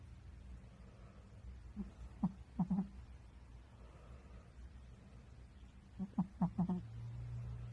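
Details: A sleeping, dreaming dog gives two brief clusters of soft, muffled yips and whimpering woofs over low steady background noise; normal sleep vocalizations.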